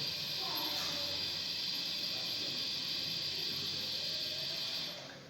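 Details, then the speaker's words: Steady loud gas hiss for about five seconds, then fading, as the oxygen flush fills the ventilator bellows in vent mode during an anesthesia machine leak test; oxygen flush filling ventilator bellows. "how to convert this oxygen box vent back selected to the vent mode then with oxygen flash i'm going to fill the pillows"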